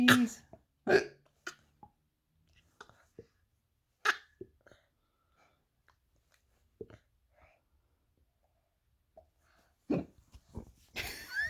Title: Cheese! Hiccup